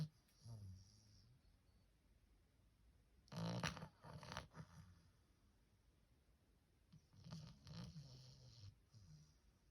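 Soft, low snoring from a sleeping puppy, with breaths repeating every few seconds against faint room noise.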